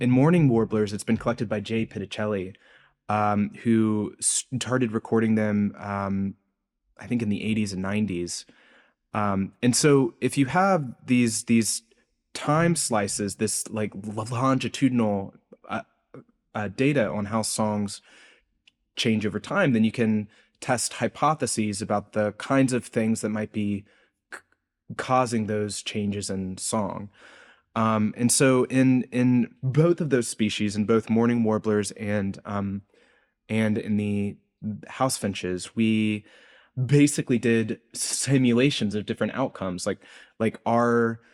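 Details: Adult man's real, self-reported speech impediment, present throughout the interview; this clip has word repetitions, heard as disfluent speech (speech impediment).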